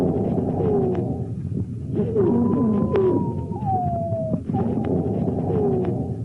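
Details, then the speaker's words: Monophonic expiratory wheeze: a single sustained whistling tone on breathing out over noisy breath sounds, from one narrowed airway; teaching auscultation recording in a paediatric respiratory physiotherapy lecture on bronchiolitis. "ok ce que vous avez entendu je sens des sibylles ans monophonique expiratoire"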